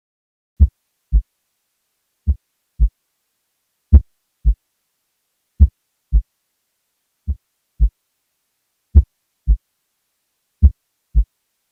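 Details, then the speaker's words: Recording from a patient in complete heart block with AV dissociation: slow regular heartbeat about 36 per minute, first heart sound varying in loudness beat to beat from variable mitral valve closure speed; variable intensity S1. "finally is a variable S1 this can be caused by AV dissociation where a variable relationship between LV and La pressures leads to variable speeds of mitro valve closure here is a recording from a patient in complete heart block and it's associated AB"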